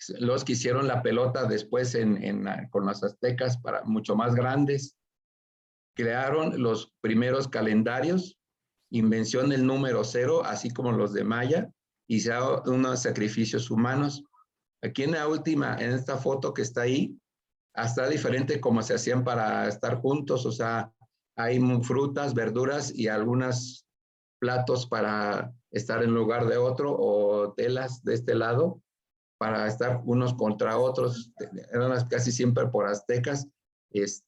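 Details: Aphasia after acquired brain injury from stroke in a participant of an art history workshop for people with aphasia, giving a spoken presentation in Spanish with broken, disordered phrasing; finding: aphasia.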